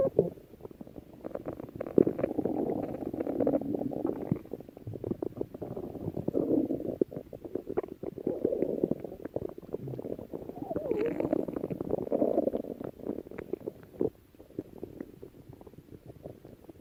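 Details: Stomach growling: long rolling gurgles and rumbles from the belly, coming in waves with brief pauses; ordinary borborygmi from gas and fluid moving through the gut.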